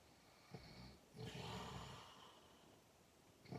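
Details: A rough, rumbling snore on one long breath, preceded by a short snort, in a quiet room, likened to a tiger's sound; snoring.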